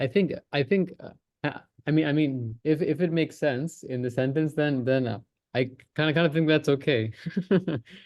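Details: Person who stammers in a stammering practice group, in a session on avoidance and secondary behaviours, speaking with word and phrase repetitions; stuttering.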